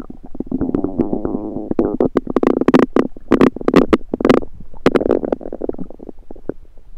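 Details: Own rumbling stomach recorded with a USB stethoscope: loud gurgling, bubbling rumbles with rapid popping runs, continuous over several seconds, active bowel sounds.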